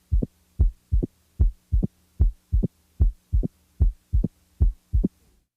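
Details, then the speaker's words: Opening snap: short, high-frequency sound about 60–100 ms after the second heart sound in early diastole, typically from mitral stenosis; regular rhythm about 75/min; best heard with diaphragm firmly pressed, contrasted with lower-pitched, later S3. "the opening snap [Music] let's also contrast the opening snap to a third heart sound note that the s3 follows the second sound by a longer interval and is lower in pitch than the opening snap"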